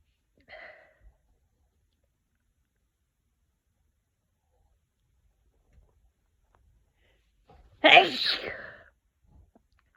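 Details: One loud, forceful voiced sneeze after a brief sharp breath, in a quiet room at the start of a cold; sneezing.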